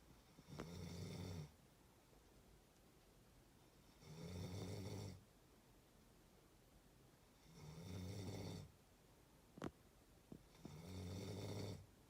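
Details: Loud rattling snores on each inspiration, about 18 breaths a minute, with quiet exhalations between, part of a one-minute clip of snoring going from soft to rough: snoring.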